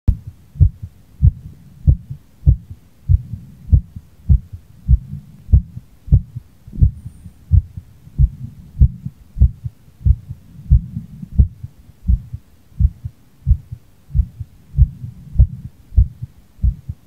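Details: Heartbeat after light exercise, bowling on Nintendo Switch Sports: regular low heart thumps at about 97 beats a minute, mildly quick.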